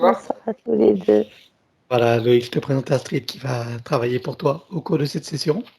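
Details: Adult man speaking French; typical speech.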